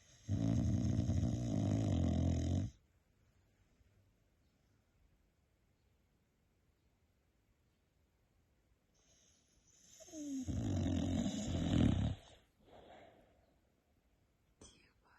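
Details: Snoring while asleep and dreaming: two rough, rattling snores separated by a long quiet stretch, with a faint whimper near the second.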